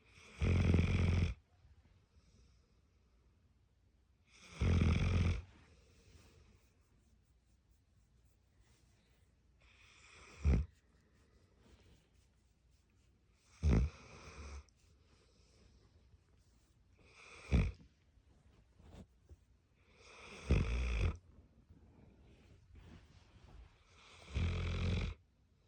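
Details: Snoring: a sleeping Tibetan Mastiff puppy snores in repeated low rumbling bursts, about fifteen a minute, with quiet pauses between.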